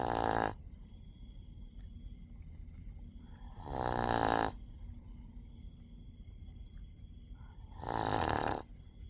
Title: dog sleep snoring ☺️😁🦮 #doglover #shorts #pets